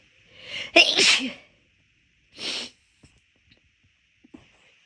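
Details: Induced sneezing while the nose was already bothering the person midway through a walk. An audible breath in, then a loud, explosive sneeze and a second, softer sneeze-like burst, within a run of rapid, big sneezes.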